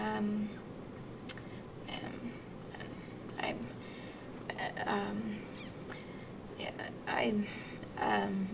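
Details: Adult patient; Broca's aphasia (severe non-fluent).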